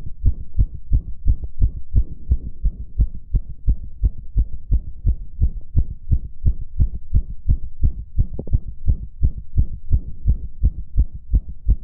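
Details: Adult male heartbeat: rapid, steady, regular low thumps with no pauses or dropped beats; fast heartbeat, sinus tachycardia.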